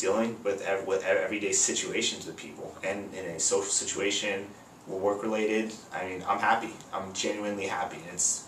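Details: Stuttering in a 22-year-old man, lifelong since about age 7–8, triggered by anxiety; about 60% improved but not gone after 3 months of chiropractic care and breathing exercises; prior speech therapy.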